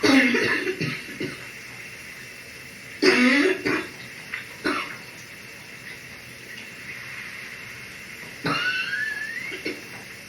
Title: Taking a morning shower with my lovely morning cough￼